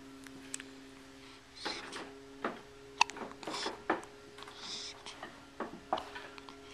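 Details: Several short, sharp, gulping hiccups at irregular intervals in a quiet room with a steady background hum, recorded on a Flip Video camcorder.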